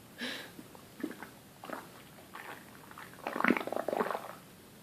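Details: A boy presses on his stomach, producing loud, irregular gurgling and squelching bursts. The sounds are real, with no effects and nothing on his stomach: normal bowel sounds (borborygmi).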